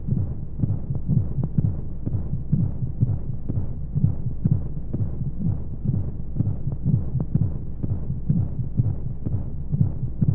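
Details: Womb-sound sleep aid for babies: muffled rapid rhythmic thumps, about 125 a minute, over steady hushing flow-like white noise, a womb-style heartbeat sound.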